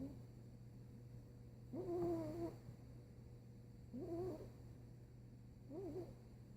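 Three soft, wavering, voiced snores roughly two seconds apart over a steady background hum; ordinary snoring during sleep.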